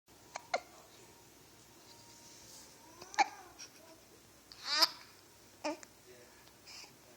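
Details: Short, sharp hiccup sounds repeating irregularly from a 2-week-old baby, with soft baby noises between; ordinary infant hiccups.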